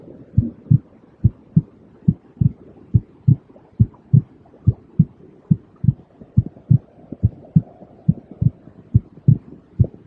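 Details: Soothing white-noise recording of a regular heartbeat: steady paired low thumps, about 70 beats a minute, over a faint hiss, for sleep and relaxation of babies, children and adults.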